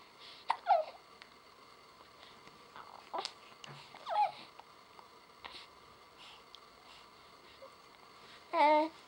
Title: day 40 - Hiccup